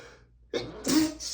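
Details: Quick indrawn breath then one short, sharp allergic sneeze from a reader (marked M) who is allergic to dust, while reading a dusty book aloud.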